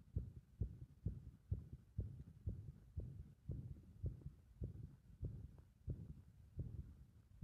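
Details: Heart sounds with the rhythm disturbed by pressure (compression): low thumps at roughly 130 a minute with uneven spacing between beats; irregular heart rhythm.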